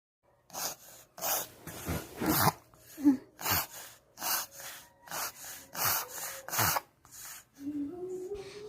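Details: Small dog (Shih Tzu): a run of rapid, noisy snorting inhalations; reverse sneezing.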